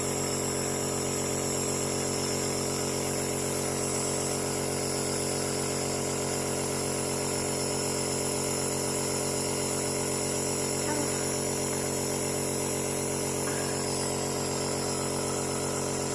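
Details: Nebulizer compressor running with a steady buzzing mechanical hum, used for inhaled treatment of a toddler with flu and cough.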